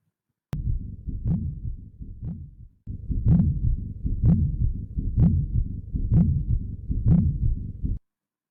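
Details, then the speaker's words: Pericardial friction rub in pericarditis, auscultated over the precordium: scratchy, grating sounds riding on each heartbeat at about 63 a minute, from inflamed pericardial layers rubbing together. "that song that you just heard is a pericardial friction rub okay this occurs because the inflamed visceral and parietal pericardium rub against each other during movements of the heart"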